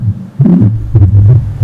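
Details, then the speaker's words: Normal heart sound from an adult/pediatric auscultation trainer manikin: low, soft heart thumps with no added murmur, played to compare against an Austin Flint murmur. "I'll be able to hear the normal heart sound. This helps to compare two types of sounds."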